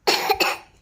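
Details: Young child (older brother) sick with cough and cold, as is his younger sibling: two quick, harsh coughs in one short burst.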